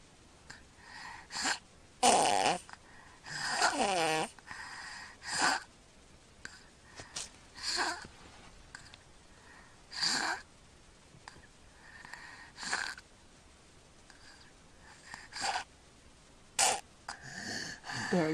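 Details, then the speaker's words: Sleeping infant, mouth-breathing and not congested, with irregular snoring and snorting broken by breath-holding pauses and sudden gasps for air, as earlier breaths moved no air into the lungs; obstructive sleep apnea with gasping. "saw that no he's gasping for air the breath they took beforehand he was actually not getting anything into his lungs"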